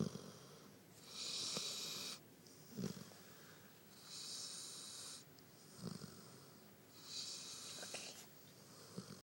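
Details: Snoring from a tired male sleeping on someone: three slow breathing cycles, each with a hissing, rattling noisy phase and a low snort between, about 21 breaths a minute.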